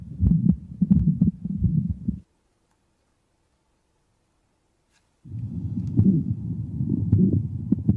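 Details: Man with aortic stenosis in rate-controlled atrial fibrillation: irregular rhythm with a loud, harsh, high-pitched ejection systolic murmur heard throughout the precordium, loudest at the aortic area, radiating to the carotids, with a quiet second heart sound.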